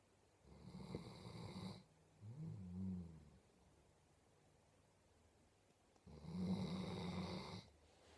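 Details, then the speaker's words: Sleeping dog snoring in a quiet room: low, fluttering snores with a softer snorting breath between them. "you are a big snoring lump you are a big snoring lump yes you are you"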